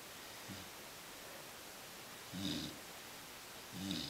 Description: My black lab puppy sleeps on his back and snores... too funny!